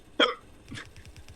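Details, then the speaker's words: A single sharp, voiced hiccup with a brief catch of breath from a person talking during a live multiplayer gaming stream: an ordinary hiccup. "The bites are coming for the sound of my hiccups."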